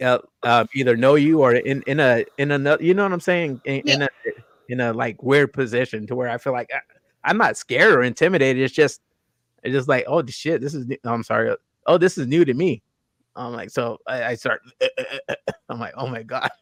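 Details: Adult male host with self-reported stuttering, more marked in his earlier videos and worse with unfamiliar people or new situations; audible word repetitions; stuttering.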